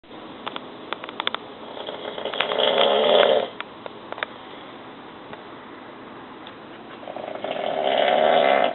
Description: My daddy snores realllllly loudly. That's why he sleeps downstairs!!!!!!!!!!!!!!